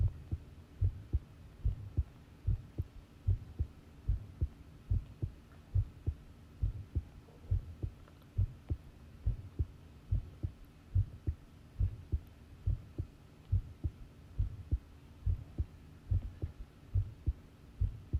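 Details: Long heartbeat recording: normal heart sounds, steady, regular low thumps at about 70 beats a minute with a faint hum behind them.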